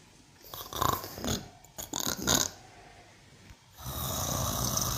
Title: Funny 🤣 cow snoring 😴#cow #snoring #viralvideo #funny #funnyanimals #animals #funnyvideo #cowvideos